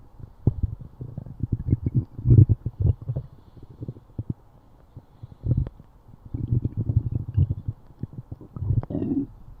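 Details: Stomach growling: borborygmi.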